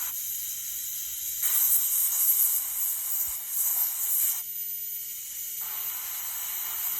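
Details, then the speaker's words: Ultrasonic endodontic tip on tooth #19 of a live patient, used through a PFM crown under a mirror: a high hissing whine with louder spells as it unroofs the pulp chamber. "so I I got very close to the top chamber so I switched to the ultrasonic because now I can use my mirror and I see exactly what I'm doing"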